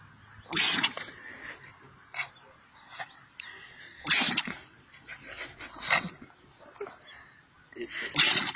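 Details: 7-year-old pug sneezing after playing in the sun: about four sharp, hissing snorts and sneezes with softer sniffs between; repeated sneezing.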